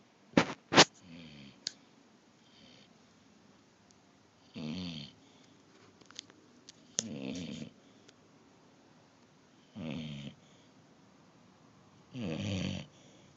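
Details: Rough, rattling snores about every two to three seconds, with a few sharp clicks and snorts in between, in a quiet room, before the sleeper is woken; snoring.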